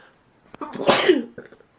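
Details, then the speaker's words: Allergy sneezing during a morning sneeze attack while getting ready for school (allergies, not a cold): a short breath in followed by one loud, explosive sneeze. "So, once I stop sneezing, I can breathe. Good morning, Boomer. Yeah, it's a wonderful Monday. With a sneeze attack to wake me up."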